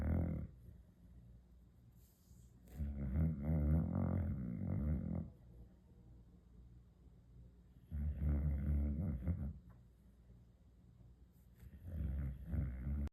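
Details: Sleeping Boxer dog snoring: loud, rumbling, low-pitched snores recur every few seconds, with quiet pauses between breaths.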